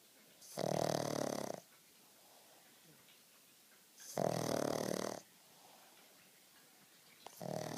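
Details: Black pug snoring while napping: loud, rough, buzzing snores about every three and a half seconds, roughly 17 breaths a minute, with quiet pauses between them.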